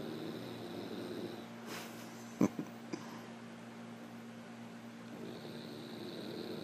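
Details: Black Labrador retriever dog snoring while asleep: soft, low, rasping breaths over a steady room hum with a few brief clicks.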